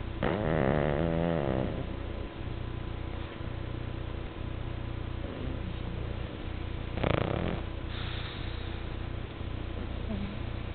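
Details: Snoring from an exhausted sleeper: low, rattling snores over steady room hum, one long vibrating snore at the start and a shorter one later.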